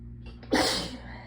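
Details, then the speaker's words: Quick indrawn breath, then one forceful explosive sneeze over a steady hum, while chilled sitting in cold water after the hot water ran out; cold-triggered sneezes described as intense and hurting the throat. "i like am in a warm building or in you know the heat and then i go outside um i usually sneeze a ton but also oh there we go um i tend to get uh very sneezy as well"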